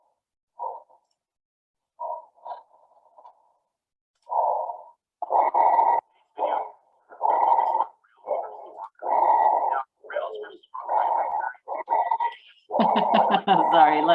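Repeated musical, groaning tones with the breaths, growing louder toward the end: rhonchi.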